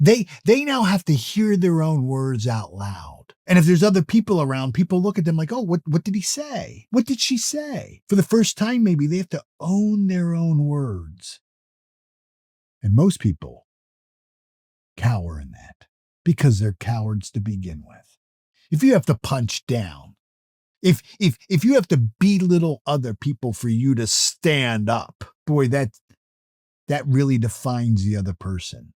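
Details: Adult male motivational speaker who self-reports stuttering or stammering; natural speech with word repetitions; finding: stuttering.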